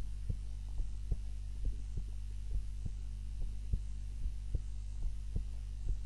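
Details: Own heart sounds recorded on a timer while napping, lying on the back (supine) rather than the usual face-down position: soft paired thumps roughly 70 a minute over a steady low hum; normal resting heart sounds during sleep.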